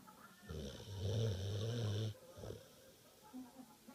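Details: One loud, low, fluttering snore lasting about a second and a half, then quiet breathing; ordinary snoring.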